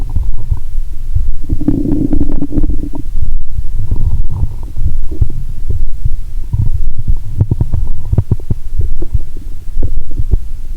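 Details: Low rumbling and bubbling gurgles through a stethoscope on the abdomen while lying down after drinking cola with Mentos: active bowel sounds.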